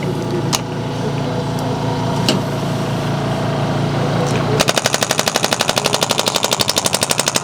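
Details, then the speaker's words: First-time radial shockwave therapy on a young woman's shoulder pain from carrying a heavy backpack, applied with gel over the shoulder blade, which is tender: fast, regular percussive pounding like a very strong Theragun slapping the skin. "This is more like a very strong Theragun, so you're feeling that slapping on the skin, and that's even kind of what you're hearing with the treatment as well. You can hear that very percussive pounding back and forth of that instrument."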